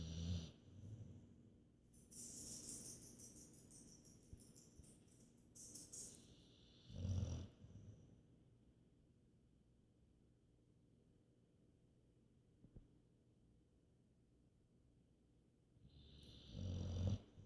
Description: My Baby taking a nap and snoring so loud. Lol